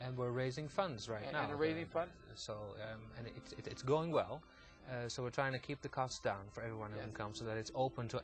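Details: Adult man speaking; no speech disorder.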